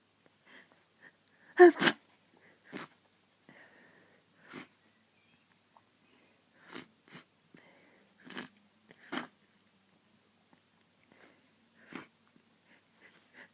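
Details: A person sneezing from hay fever and getting snotty: one sharp burst sneeze followed by several softer sniffs and snorts in a quiet room.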